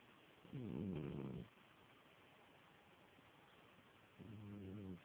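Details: Sleeping pet: two soft, low rattling snores about three seconds apart; snoring.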